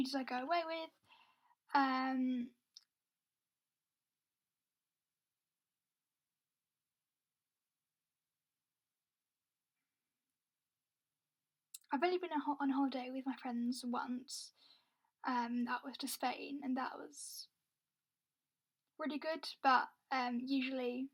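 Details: Adult woman with a stammer, speaking with long pauses mid-sentence; stammering (stuttering).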